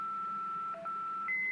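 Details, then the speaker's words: Philips MRx defibrillator, manual mode set to 150 joules: charging produces a steady electronic tone with a brief dip, then a higher continuous ready-to-shock tone; defibrillator charging tone. "we've already turned it to 150 we press charge and shock you can also escalate the energy by doing this charge"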